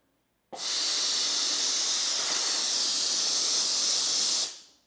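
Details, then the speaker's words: Forest 7000 series dental unit with the handpiece water valve turned fully open: sudden loud, steady hissing water spray lasting about four seconds, then fading. "Now, look what happens when I open this valve up. So, I turn it to the left. I turn all the way to the left. Ooh, it keeps going."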